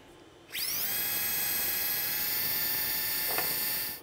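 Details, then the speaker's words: Surgical power drill boring into the heel bone (calcaneus) for a CrossFT knotless suture anchor during open Achilles tendon repair, after tapping, drilling the other side: high-pitched motor whine rises quickly and holds about three seconds. "now we're just tapping it now we're going to drill the other side"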